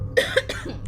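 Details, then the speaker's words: Three quick, loose wet cough bursts from an adult, who then says they are fine, over a steady low background hum. "Excuse my coughing, y'all. I'm fine."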